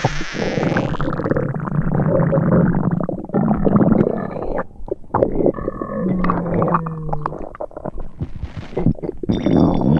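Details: Simulated upset-stomach sound effect: low gurgling and rumbling with bubbly squeaks, imitating stomach rumbling.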